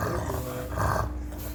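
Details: Low, rough, snoring rumble with each breath from a flat-faced dog, attributed to an overgrown soft palate; stertor in a brachycephalic dog.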